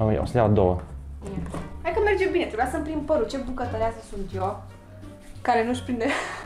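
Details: Adult woman speaking; normal speech.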